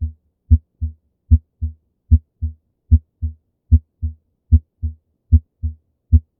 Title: Normal Heart Sounds / سبحان الخالق صوت القلب البشري #anatomy #physiology #shorts